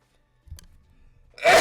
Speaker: Chat, I have to sneeze and you're going to hear it, so heads up.